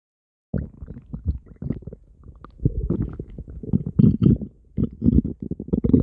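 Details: Stomach growling (borborygmi): loud, low, bubbling rumbles and gurgles.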